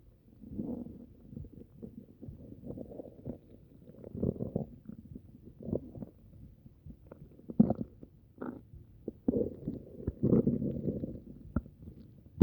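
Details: Upset stomach, possibly from something eaten: frequent irregular gurgles, squelches and low rumbles throughout; stomach rumbling (borborygmi).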